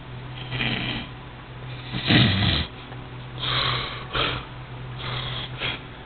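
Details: Snoring from a sleeping person: harsh snoring breaths, some with a snorting catch, over a steady room hum.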